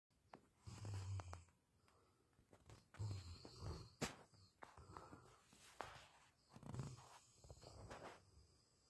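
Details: Sleeping, dreaming male German Shepherd dog after a very busy, active day: quiet, irregular low snorts and snoring breaths with small whimpers and twitch sounds; ordinary snoring.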